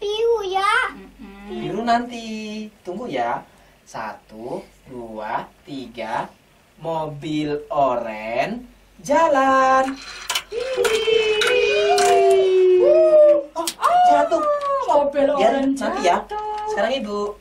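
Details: Adult woman (therapist) speaking to a child during play; typical adult speech.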